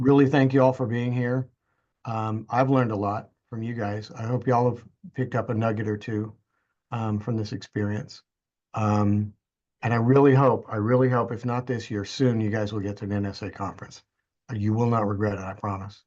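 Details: Adult man; typical speech.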